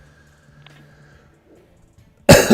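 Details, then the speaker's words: Single loud, harsh adult cough burst, cut off abruptly after quiet room hum, from a congested speaker with a throat tickle who expects a week of coughing. "the cough isn't going anywhere it's just it's a tickle in your throat it it happens it's the congestion it's going to happen for another week I'm just going to be hacking for a week"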